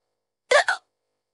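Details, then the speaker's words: Simulated AI-generated voice at bedtime: a single short, sharp hiccup with a quick catch in the voice, amid speech about 15–20 minutes of hiccups that prevent falling asleep: hiccups. "I'm really trying to fall asleep man that I care due to these hiccups oh hiccups excuse me"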